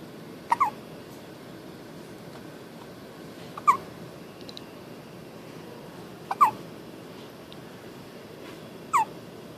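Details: Hiccups: four brief, sharp hiccups with a small squeaky catch, spaced a few seconds apart, about 25 a minute, over quiet room noise.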